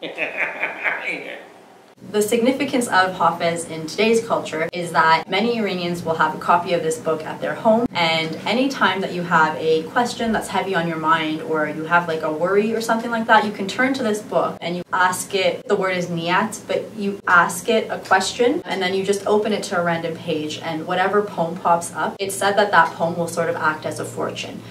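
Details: Adult woman speaking; Normal fluent speech.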